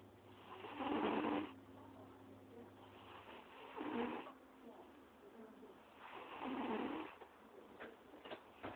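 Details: A sleeping cat snores loudly in three rough bursts, roughly 21 a minute, with quiet breathing between; snoring.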